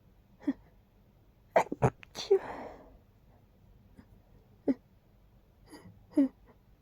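Catching breaths build up to a loud, explosive sneeze with a breathy trailing release, then further short sounds; sneezing.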